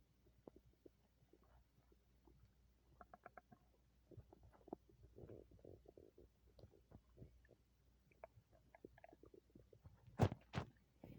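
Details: Bowel sounds after eating an entire pizza and a large shake: quiet gurgles, bubbling and short squeaky rumbles come irregularly, ending in a couple of louder bursts; ordinary active stomach rumbling.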